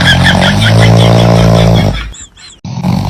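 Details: A dog gives one loud, rumbling, buzzing snore followed by a brief quiet gap while a ginger cat reacts; a dog snoring.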